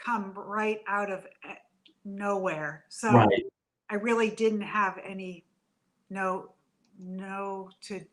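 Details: Adult woman with aphasia after a stroke from a brain AVM about three to four years earlier; still in speech therapy.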